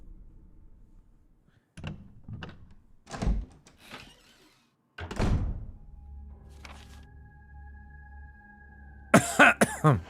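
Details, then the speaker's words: Adult gives a few short, dry coughs, which they attribute to acid from eating chili, over quiet room sound with game music in the background. "that cough? That's That's definitely from the acid from my uh chili eating."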